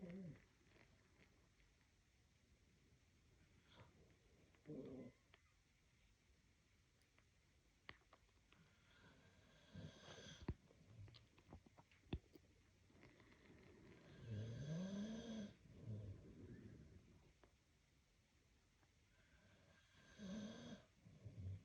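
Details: Self-recorded throat crackling, popping and wheezing, mostly while lying on the back and left side, present for two years. Quiet breathing with scattered clicks and pops and brief rising whistly tones; a partner's breathing is audible. Sinus CT and ENT scopes have been done.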